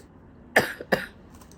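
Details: Two short, sharp, dry coughs with little rattle from an adult woman with sore throat, lost voice and fatigue, seen at a clinic and given medicines including for bacteria; a plain cough in a quiet room.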